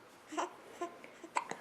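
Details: Hiccups in a 5-week-3-day-old baby girl, kicking while awake at home: several short, abrupt voiced catches in quick succession.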